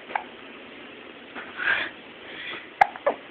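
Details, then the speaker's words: Hiccups in a baby: a few sharp, abrupt little catches of breath over soft room noise. "got a little monkey chunky monkey with the hiccups and the up hair"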